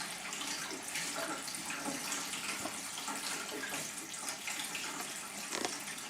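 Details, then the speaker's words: Closed gravity-system colonic irrigation with continuous gurgling, splashing water flow and small bubbling bursts through the tubing, just after abdominal massage focused on the left side; the patient feels full, "shaking it all loose", and matter is released. "I feel quite full, like it needs to deflate. Yes. Do you hear that? Yes. Shaking it all loose. And here it comes."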